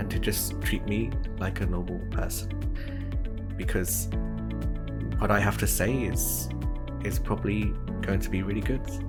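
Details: Stuttering (stammering) in a person who stammers, with audible word repetitions.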